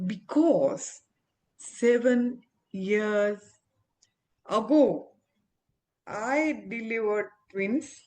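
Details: Aphasia after stroke in an adult woman, an ophthalmologist, recovering her speech with speech-language pathologists; communication still hinders her.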